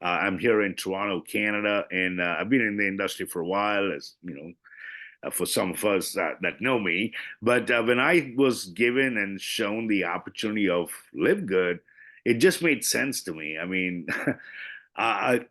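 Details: Adult male speaker; ordinary speech.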